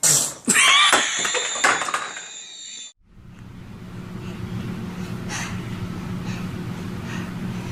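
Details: Baby sneezing: a burst of sharp, noisy infant sneezes, followed by quieter room noise and faint music.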